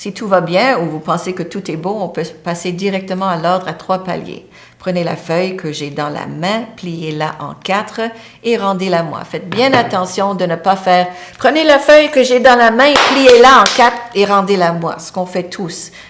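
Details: Adult woman speaking French; normal speech.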